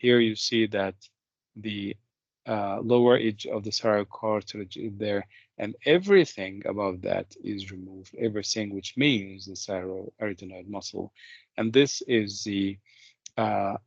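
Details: Adult male speaker; typical speaker.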